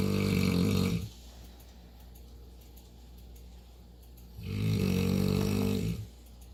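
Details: Two long, low rumbling snores separated by a quiet pause from a sleeping dog; ordinary snoring.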